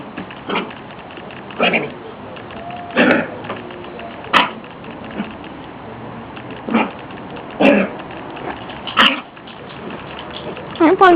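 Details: A Boxer/Lab mix puppy recovering from a bad bout of pneumonia gives repeated short, harsh single coughs, spaced about a second apart, in a quiet room.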